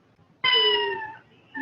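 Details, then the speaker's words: Infant with cri du chat syndrome (5p deletion): a single high-pitched, thin, mewing cry like a cat's meow, the characteristic cat-like cry of early infancy. "Okay. Can you hear the baby crying? Yes. Okay. So it is just like cat meow."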